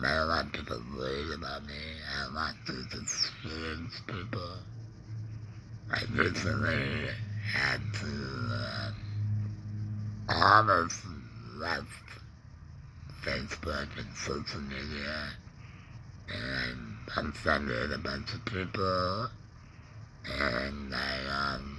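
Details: Adult man, laryngectomee neck breather with a stoma after cancer (tongue cancer tagged), with tongue pain, speaking in real connected speech; alaryngeal speech after laryngectomy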